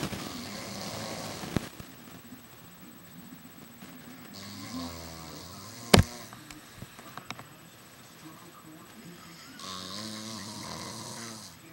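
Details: Person snoring in sleep, said to have gone on for the past two hours: several rough, rattling inspiratory snores with a few clicks and a loud knock between them.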